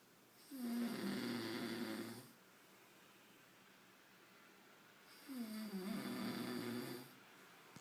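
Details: Child snoring heavily: two loud, vibrating snores on the in-breath about five seconds apart, with quiet between; about 12 breaths a minute.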